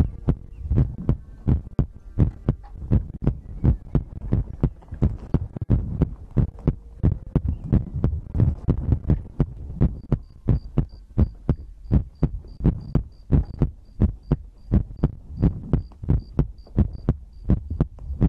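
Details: ASMR recording of the creator's own heartbeat with breathing, from a livestream compilation: steady low thumping heartbeat at about 86 beats a minute with a faint hum behind; normal heartbeat.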